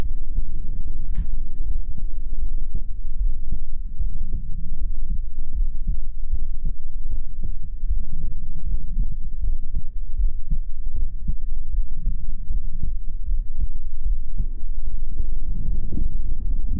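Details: ASMR heartbeat trigger sound: steady, muffled low heartbeat thumps under a constant low hum.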